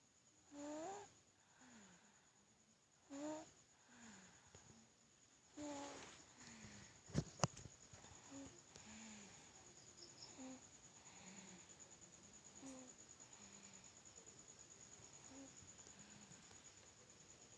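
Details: Soft, repeated low snoring noises with each breath over faint steady room hum; snoring in a sleeping baby.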